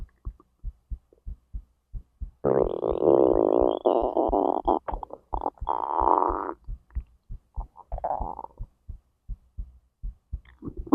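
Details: Self-recorded digestion and heartbeat, stomach to intestines: long gurgling, rumbling bowel sounds over a steady background of fast soft thumps. Active normal borborygmi.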